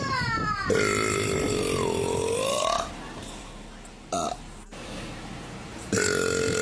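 Long, loud, drawn-out voiced belches, two sustained and one brief, with room noise between them.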